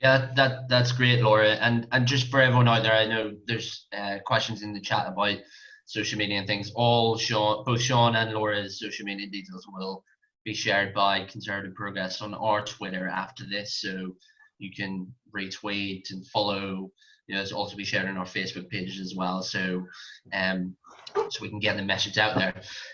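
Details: Adult man speaking; ordinary speech.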